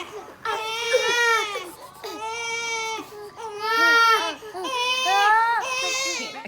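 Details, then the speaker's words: An infant cries in repeated wailing bursts of about a second each, separated by brief breaths, in a home; infant cry. "Oh, Roby, baby's crying. You're gonna give baby his baba? Right, Roby?"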